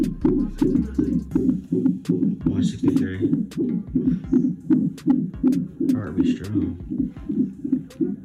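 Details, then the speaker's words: Strong fetal heartbeat heard during labor on a fetal Doppler: fast, regular whooshing beats at about 160 a minute, in the normal range, after a search of about 15 minutes; faint talk in the background. "she's got a strong heartbeat"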